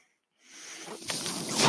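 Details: Brief silence, then a rising airy hiss with a faint steady high whine: the speaker's own home mechanical ventilator delivering a breath during his podcast recording.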